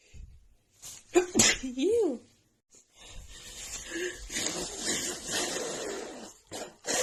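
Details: Woman's non-stop sneezing fit after about an hour outside in snowy cold, nose runny, with dust also blamed: sharp sneeze bursts with a voiced cry, then noisy breathy sounds.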